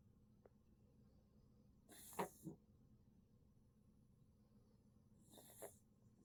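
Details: Pet coughing: three short, harsh, forceful expulsive bursts in a quiet room.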